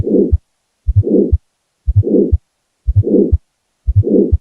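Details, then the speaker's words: Teaching recording of systolic murmur from aortic stenosis, where a narrowed aorta sends blood back toward the left ventricle: regular heartbeat about 60/min with a loud harsh murmur filling the gap between beats. "Jadi suara yang disebabkan yang hijau-hijau itu karena aortanya menyempit."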